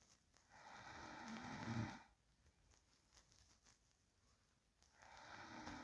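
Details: Real recording of a sleeping person: quiet room with slow sleep breathing and two soft, rattling, low snores on inhalation separated by a quiet pause; gentle snoring.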